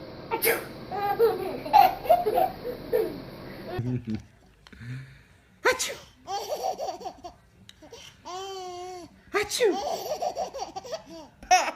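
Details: Adult sneezing, possibly faked, to amuse babies: short, sharp sneeze bursts, each followed by babies' squealing laughter and babbling.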